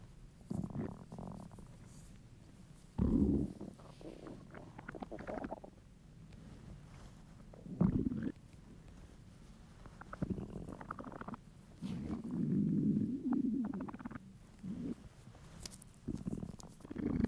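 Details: Male's hungry, empty stomach: irregular low gurgling rumbles and growls; borborygmi from hunger.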